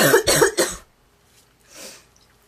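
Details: Girl with goose-like cough: rapid run of three loud, hoarse, honking coughs followed by a short breath in; barking, honking cough.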